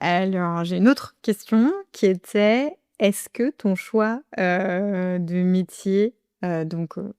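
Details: Adult woman speaking French; normal voice.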